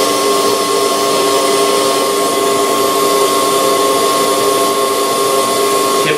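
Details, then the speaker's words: Podiatry nail bur with vacuum suction: a steady high motor whine with a vacuum hiss throughout, as the bur smooths trimmed toenails without dust during at-risk foot care to prevent ingrown toenails. "one you don't have the dust that you normally would with a uh with a nail bur without a vacuum secondly I think you can get them so much smoother so when the vacuum turns on what happens is I can get these pretty much smooth as glass"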